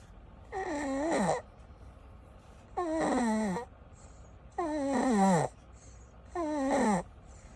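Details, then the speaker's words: 6-month-old baby girl snoring loudly in sleep, regardless of position: four loud, groaning, voiced snores at about 33 a minute, each falling in pitch, with quiet pauses between. "she's snoring louder than me what the hell what can't be serious 6 months old"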